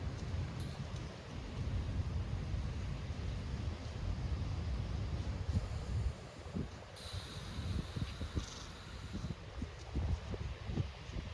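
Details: Southern elephant seals snoring on Macquarie Island, recorded 23 December 2024.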